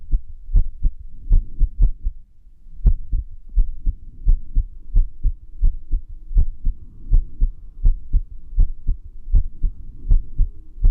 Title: 不整脈心音 irregular heartbeat sound